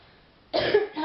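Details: Real, unacted chesty cough from a girl sitting on a bed during a phone call, said to be worst at night when lying down: heavy, deep coughing interrupting her conversation.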